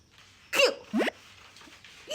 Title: sneezing did the job 😃 #fypシ゚viral